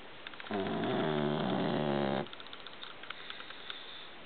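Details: One long, loud, rattling snore lasting almost two seconds over quiet room noise, from a man, who usually snores like this; snoring.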